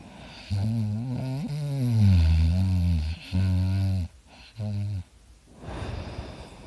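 Loud, low, rattling snores on several breaths in, with rough vibrating tone, followed by a quieter breath out. Heavy snoring.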